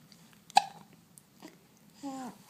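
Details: A baby boy hiccuping again while his mother talks to him: a single sharp, abrupt hiccup, then a short soft vocal sound and a brief falling voiced note.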